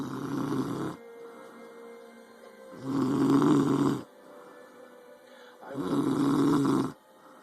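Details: A girl snoring loudly: rough, vibrating snores on each in-breath, about 20 a minute, with quieter out-breaths between and faint background sound.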